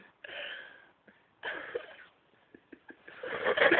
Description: Mate from work sneezed about 45 times in a row! Only caught a few here though!